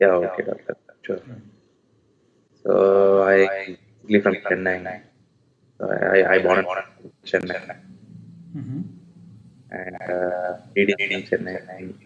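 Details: Adult male with puberphonia (previously high-pitched, female-like voice, sometimes dual voice), speaking after voice therapy; pre-therapy recording 4 Nov 2020; voice now reported stable; puberphonia after voice therapy.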